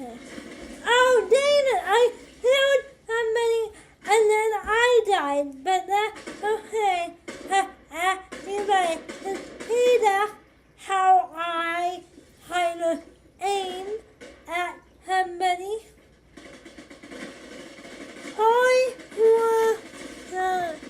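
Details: 25-year-old woman with cerebral palsy affecting hand movement and walking: dysarthric speech in cerebral palsy.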